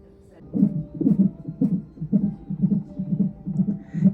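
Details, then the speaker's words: Fetal heartbeat on a hospital monitor before birth: rapid, regular whooshing pulses about 125 a minute, a normal fetal heart rate. "ആ ഒരു sound കേൾക്കുന്നുണ്ടോ ആ sound heart beat വേറെ പച്ച heart beat"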